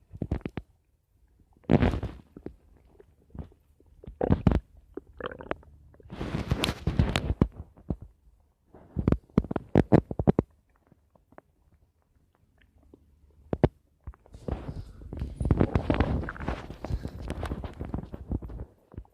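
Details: Stomach noises: gurgling, bubbling rumbles in irregular bursts with quiet pauses, ordinary bowel sounds (borborygmi) from gut activity.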